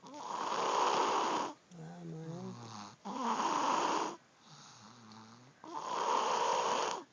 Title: Snoring Beauty